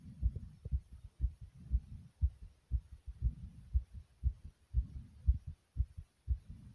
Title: Pounding Heartbeat Sound ❤